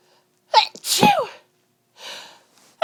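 A sharp inhaled catch followed by one loud explosive sneeze, then a softer breathy exhale; part of a sneezing fit.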